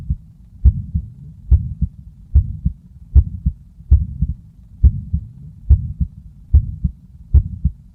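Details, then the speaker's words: Auscultation of hypertrophic obstructive cardiomyopathy: heartbeat about 71 a minute with crescendo-decrescendo mid-systolic murmur best at the lower left sternal border, not radiating to the carotids; HOCM murmur. "the particular murmur is high based crescendo decrescendomid systolic power heard best at the lower uh left sinal border"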